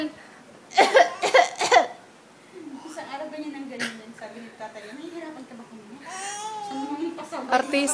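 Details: Nine-month-old infant giving three quick, light, deliberate coughs, then babbling calmly: voluntary (fake) cough.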